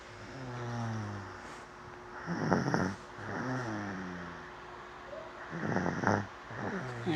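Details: Slow rumbling snores with noisy breaths in between, roughly 18 breaths a minute; ordinary snoring during sleep.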